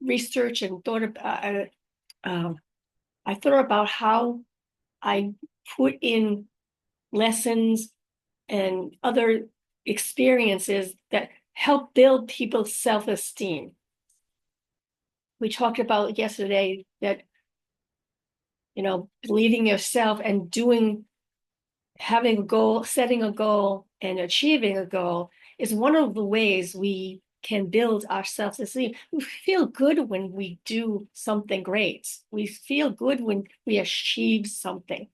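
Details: Aphasia after a stroke in a woman who also reports apraxia of speech and dysarthria; unedited recording made on a good day, in the morning, with pauses and errors left in; aphasia.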